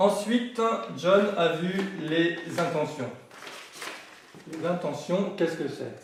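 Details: Adult French-speaking man who has stuttered since childhood, for decades, and says he now manages to speak through it; stuttering.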